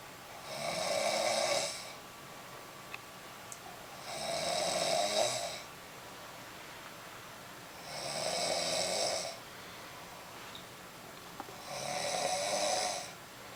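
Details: Adult woman deeply asleep and relaxed in bed, snoring: steady, evenly spaced snores on each in-breath, about 16 a minute, with quiet pauses between.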